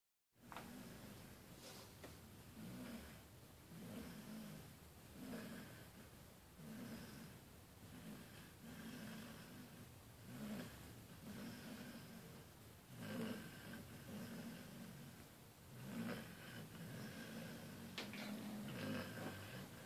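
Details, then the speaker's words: Female basset hound snoring hard while asleep: soft, rhythmic low snores at about 22 breaths a minute in a quiet room. "oh my gosh you were hardcore snorin girl"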